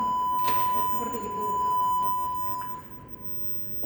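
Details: Mediana defibrillator/monitor in an ICU nurse demonstration, with synchronized mode and energy level set: a steady high-pitched tone after charging, signalling the machine is charged and ready to shock.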